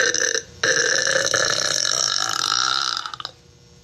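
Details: Burping compilation of girls: a short opening burp, then one long, loud, forceful belch lasting about three seconds.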